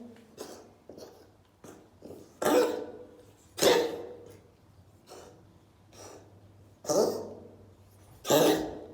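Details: Coughing.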